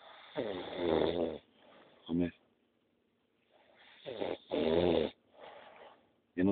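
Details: Heavy adult snoring: loud, rough, vibrating snores on each breath with short snorting bursts and quiet pauses between.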